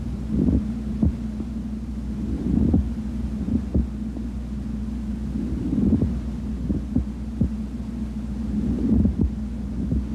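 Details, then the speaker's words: Low, grating, creaky bursts recurring with each breath over a steady hum, from inflamed or thickened pleura rubbing together: a pleural friction rub. "the pleura will rub against rubber rub because there is because of fibrosis or any fluid okay or any neoplastic cells this is plural rub let's hear plural rub"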